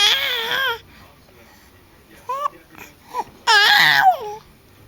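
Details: Baby during tummy time with hiccups, fussing and crying in short bursts with whimpers between: an ordinary infant cry.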